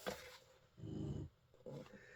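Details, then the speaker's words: A dog named Lexi snores softly behind the speaker in a quiet room, a low rumbling breath followed by a shorter one: snoring. "You can hear behind me snoring. It's not me."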